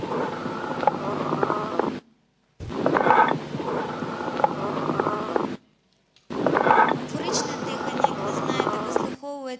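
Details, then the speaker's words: Auscultation teaching example: long, hollow, ringing, jug-like breath sounds separated by brief pauses; amphoric breathing, heard over lung destruction, large cavities or large bronchiectases. "Я трошки прокоментую. Це є амфоричне дихання."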